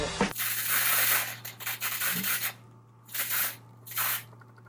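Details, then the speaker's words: Several short hissing bursts of very cold cryotherapy spray applied at a doctor's appointment to a small facial blood vessel with sun damage while the patient lies down; warned it will sting; laser if deeper. "Alright, so what we're gonna do is I'm gonna take this spray. I'm gonna spray it right on there. Now this is super cold. It's gonna sting a little bit."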